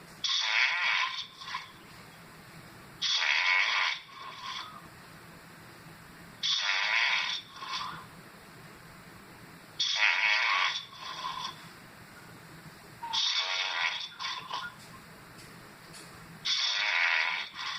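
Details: Rattly, hissing snores on each in-breath with a softer out-breath, about 18 breaths a minute, partly played in slow motion.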